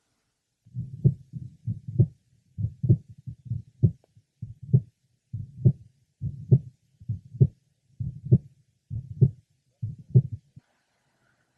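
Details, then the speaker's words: Mitral valve prolapse in a patient with Marfan syndrome, heard at the apex and poorly along the lower left sternal border: a systolic click introducing a late apical systolic murmur, with an occasional premature beat. "our next patient with Maran Syndrome has a systolic click introducing a late apical systolic murmur an occasional premature beat is also heard"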